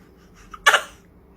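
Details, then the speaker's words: Young child, prompted to show how we sneeze when we catch cold, takes a breath then gives one short, sharp burst of air in a quiet room; imitated sneeze. "bir daha hapşırırız nasıl hapşırırız nasıl yaparız Evet hapşu"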